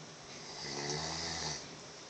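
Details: A single loud, rattling snore on a breath in, rising and fading over about a second; ordinary snoring.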